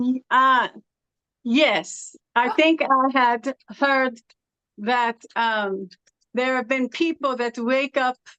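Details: Adult woman originally from California, living with foreign accent syndrome since about 2016; foreign accent syndrome.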